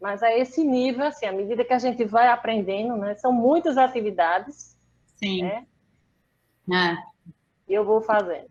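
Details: Aphasia after a stroke in December 2016 in a woman, about three and a half years post-onset, still finding figurative language difficult and needing slow speech from others; aphasia.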